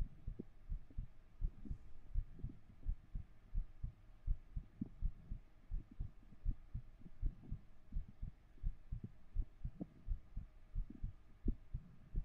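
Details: Heartbeat recorded with a 3Dio binaural microphone during an ASMR stream: soft, steady low thumps at about 85 beats a minute over faint room hum.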